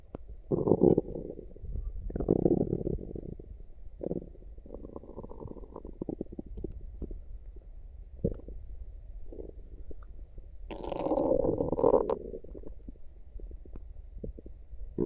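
Low gurgling and rumbling bursts recurring over the stretch, with a longer gurgle near the end: active bowel sounds, a normal finding.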